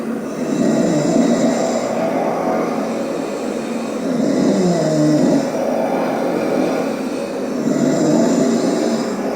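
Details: Person sleeping after a birthday party, snoring: loud, rough, rumbling breaths rising and falling in slow cycles about every three to four seconds.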